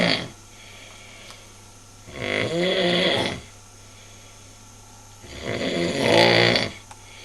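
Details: Sleeper on a trip to Malaga: very loud, harsh snores roughly every three seconds, about 18 a minute, rattling on each in-breath; extremely heavy snoring.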